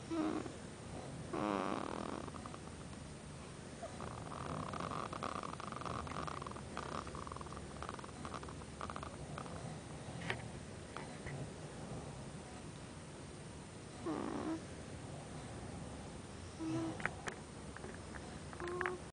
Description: 5 days old and she already snores like her daddy!